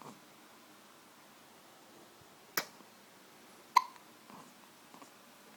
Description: Her cute hiccup after drinking a bottle of full cream milk:-)